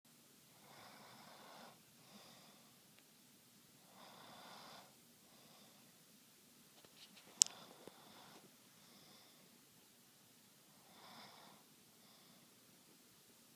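Slow, regular rasping breaths, each lasting about a second, roughly every three seconds, with a brief click midway; snoring.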